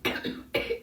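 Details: Two short, sharp coughs from an adult, about half a second apart, in a quiet room.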